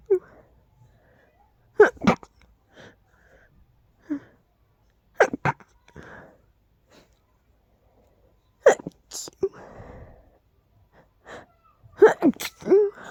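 Several loud, explosive sneezes, about four, each with a sharp burst and brief inhale between, in a quiet room.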